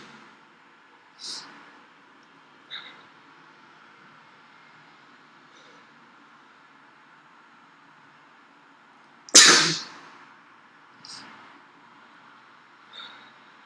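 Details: One forceful, explosive sneeze among softer breathy snorts and sniffs in a quiet room, from a person sneezing repeatedly with a summer cold.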